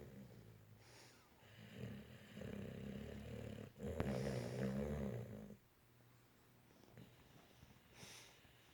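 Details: Jax snoring: a low, rattling snore over a few seconds, then quieter breathing; a dog snoring.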